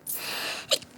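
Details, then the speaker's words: Adult with chronic rhinitis, worse with the change of seasons, acting out a sneezing habit: a long hissing rush of air ending in a short, sharp voiced burst; sneeze. "저 만성 비염인데 환절기 때문에 좀 더 심한 거 같아"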